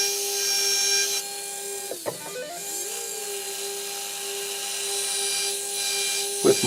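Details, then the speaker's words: Dental implant 1.2 mm pilot drill on an upper maxillary arch for Zest SATURNO narrow diameter implants, angled along the ridge with slow in-out pumping; steady high-pitched motor whine with pitch dips under load, background music. "millimeter pilot drill with the proper angulation i'm going to angulate here following the ridge morphology and slowly pumping in and out allowing for nice proper implant position"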